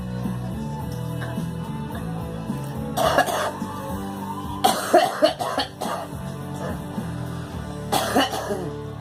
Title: Girl coughing